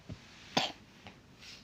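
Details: Young child sick with fever, cough and shortness of breath, still feverish despite medicine and a cold compress: a single short, harsh cough with a fainter sound after it.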